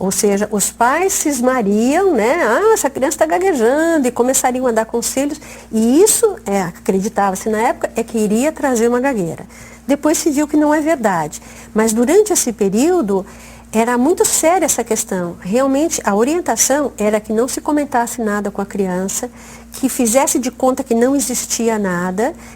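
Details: Adult woman speaking; normal speech.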